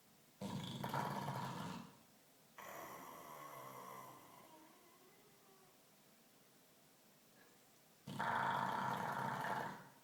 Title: Funny Dog Snoring